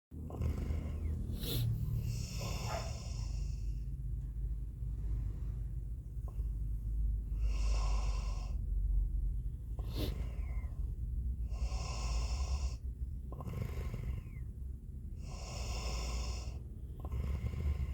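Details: Sleeping Labrador dog snoring: rough, airy bursts at regular intervals, about 7 breaths a minute, over a steady low room rumble.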